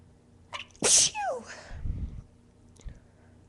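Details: Induced sneeze from a young woman: a brief indrawn breath, then one sharp, forceful sneeze with a voiced tail and a quiet exhale.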